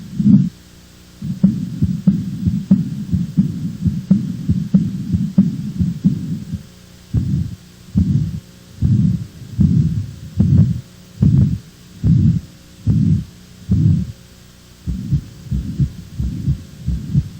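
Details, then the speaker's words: Valvular lesion heart murmur: regular heartbeats near 72 a minute, with rough whooshing sounds filling the gaps from turbulent blood flow. "Os sopros são vibrações decorrentes de alterações do fluxo sanguíneo, viscosidade e turbilhonamento, que ocorrem principalmente nas lesões valvulares. Vamos ouvir agora os sons correspondentes às principais lesões das válvulas cardíacas."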